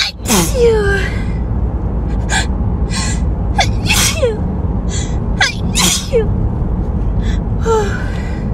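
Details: Several loud explosive sneezes, each with a sharp in-breath before it, in a small room; repeated sneezing with hay fever.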